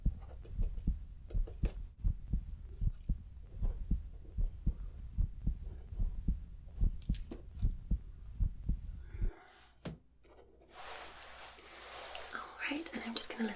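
Steady low heartbeat thumps, about 75 a minute, then rustling handling noise; ordinary heartbeat in a roleplay check-up.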